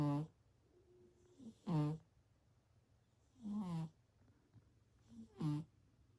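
Loud, regular snorts with each breath, about four breaths in six seconds, with quiet pauses between: a sleeping cat snoring.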